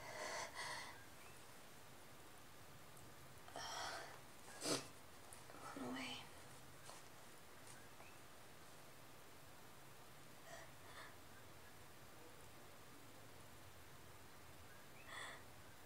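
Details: Soft breathy nasal snorts, then one sharp sneeze burst, with low steady room noise; sneeze induced with a tissue that almost faded before coming out.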